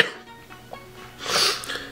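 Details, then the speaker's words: Adult about 95% recovered from a cold, still congested with a little cough: a single short, harsh cough after a quiet moment in a small room; cough. "Excuse my voice, a little sick still. About 95% done with this cold. Just got, you know, just congested. And I have a little bit of a cough."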